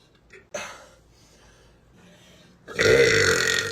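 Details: Tattooed young woman with deep belches: a short hiccup-like sound, a quiet pause, then a loud, drawn-out burp.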